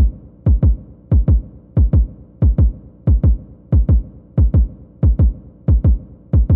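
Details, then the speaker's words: Stethoscope over the apical pulse, fifth intercostal space left midclavicular line, of a male patient in a nursing vital-signs demonstration; steady lub-dub at about 92 beats a minute, counted 46 in 30 seconds; normal regular apical heartbeat. "And I'm going to place my stethoscope over his apical pulse, which is that fifth intercostal space in the left midclavicular line. And we're going to listen to his apical pulse together for 30 seconds and see what we think."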